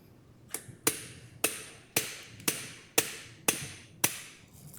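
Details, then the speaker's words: Prone transpsoas spinal surgery demonstration: eight sharp metallic taps, about two per second, as a mallet drives an implant trial into the disc space. "come back to an a ping all right a slap Hammer good and so at this point we select our implant"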